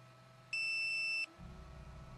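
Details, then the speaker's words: Single steady high-pitched electronic tone under a second, an alarm triggered by a tube-fed ALS patient, who cannot talk, by scrunching his cheek, signalling he is choking on his own saliva or mucus and needs suctioning. "he triggers this alarm by scrunching his cheek it means he's choking on his own saliva or mucus"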